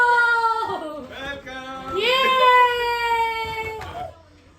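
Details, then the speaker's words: Newborn baby boy arriving home from hospital in strong wind: loud, high, sustained wailing cries with rising and falling pitch, faint room noise; newborn crying. "यार चीजों जल्दी कर लो, लड़का रो रहा है मेरा। हवा भी लग रही है बहुत तेज वाली। मैं रोने लगूंगी, रोएगा तो।"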